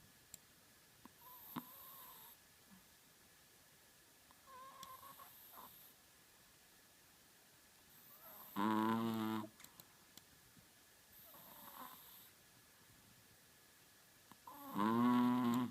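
Soft whistling breaths alternating with two louder, buzzing snores from a sleeping small dog in a quiet room.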